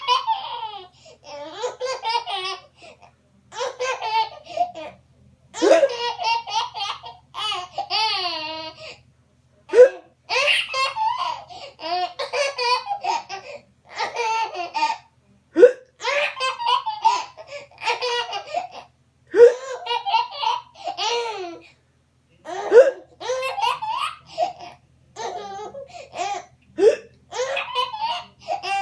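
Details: An infant (baby) giggles and babbles, with brief sharp catches every few seconds that fit hiccups, each followed by laughter.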